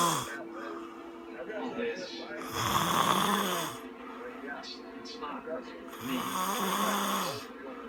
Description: Worst snoring ever lol.